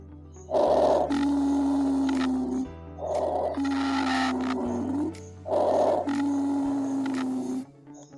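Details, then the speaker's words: Wheezing from the lungs of an asthmatic patient, as heard through a stethoscope: three breath cycles with a steady, musical, whistling wheeze carrying through each breath. "सो ये था wheezing sound, जो कि asthmatic patient के जो lungs होते हैं उनके अंदर से आता है और सुनाई देता है।"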